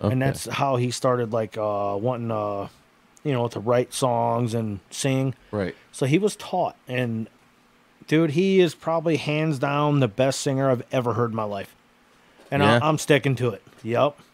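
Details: Adult man; Normal speech.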